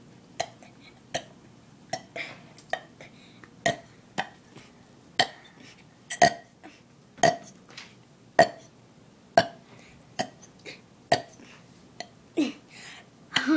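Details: About thirteen short, abrupt burps in quick, uneven succession, roughly one per second.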